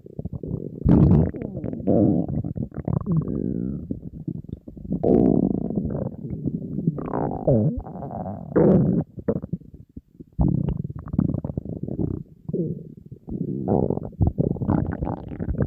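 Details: Hunger borborygmi from an empty stomach of a dieting person surrounded by food: loud, almost constant gurgling and growling varying in pitch and strength, the stomach rumbling nonstop that day.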